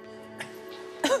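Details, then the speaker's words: Retired male school teacher, no heart history, with a terrible worsening cough, asked to cough during lung auscultation. One short, harsh cough over background music; productive cough. "The retired school teacher doesn't have a history of heart problems, but he has a terrible cough that's getting worse."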